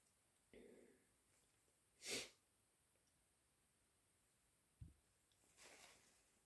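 A faint intake of breath, then two sharp, wet, explosive sneezes a few seconds apart in a quiet room. Ordinary sneezing.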